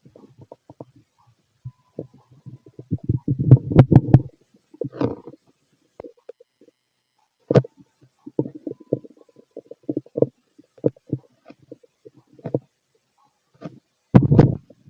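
Low gurgles and bubbling rumbles in irregular bursts with quiet gaps, typical gut sounds of digestion.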